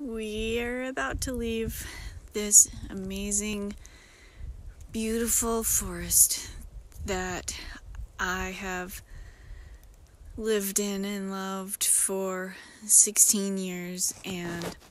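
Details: Self-described disabled woman with episodic aphasia occurring several times a day, sometimes briefly, that she says can sound like mocking a foreign-language speaker; aphasia with altered speech prosody.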